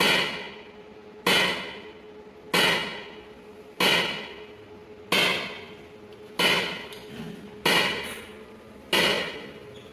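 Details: Extracorporeal shock wave lithotripsy (ESWL) of a left kidney stone, targeted by C-arm fluoroscopy through a fluid-filled membrane: loud, sharp slapping cracks repeating steadily about 47 a minute, each fading quickly; a knocking sound as if something is breaking.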